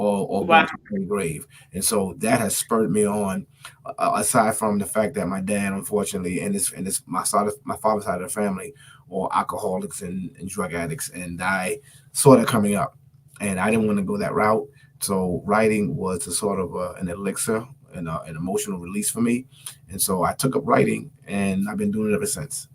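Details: Stuttering in an adult author, self-reported and still present in his current speech; he says he stuttered more when he got excited.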